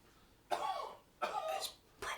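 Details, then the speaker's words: Simulated cough acted in a comedy sketch; the character blames hay fever: three hacking coughs with a throat-clearing quality. "hay fever max mate buddy you know with all the virus and everything don't you think it's maybe a good idea if you don't cough all over the kitchen"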